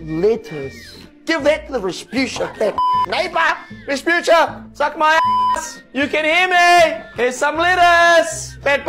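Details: Adult man with Tourette syndrome, with involuntary vocal tics including coprolalia; vocal tics with coprolalia (Tourette syndrome).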